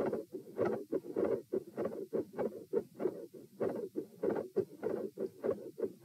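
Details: Stress-test auscultation at position T through lying, sitting, standing and knee-bend exertion, with rates of 84-96-108-120-96 bpm: heart sounds with split S2 and extra sounds, intensity rising from quiet to very loud.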